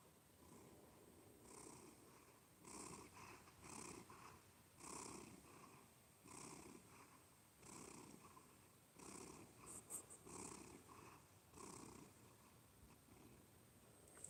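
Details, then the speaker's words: Loud cat purr that swells with each breath, roughly 45 cycles a minute, raspy and nasal like a snore. Owner says the cat purrs through his nose, and the nose is not clogged and he is not sneezing. Finding: cat purring. "So he he just figured out he could purr through his nose and he just likes to purr. It's It's funny as hell."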